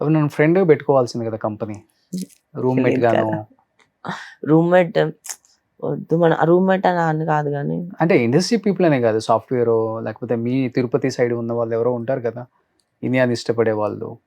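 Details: Adult male speaker; Normal voice.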